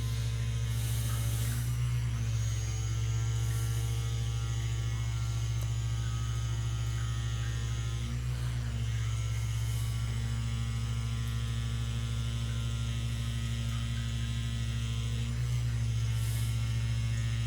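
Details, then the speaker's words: Percussive vibration massage device used on a very large man with years of tension during a chiropractic/osteopathic myofascial release session: steady loud low motor hum with buzzing rattle, pitch shifting slightly, faint music behind. "彼には、波動、振動、打撃を通じて筋膜全体に作用するタイプの機械を使用します。"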